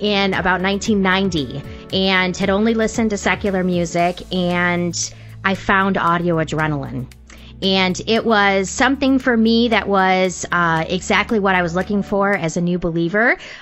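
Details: Adult woman speaking; normal voice.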